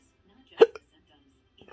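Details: A single sharp, abrupt hiccup with a quick follow-on catch in a quiet room, from a patient with intractable hiccups and choking spasms, Oct–Nov 2022.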